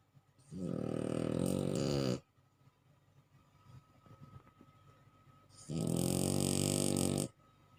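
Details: Bulldog snoring while asleep: two long, loud, rattling snores with a quiet pause between.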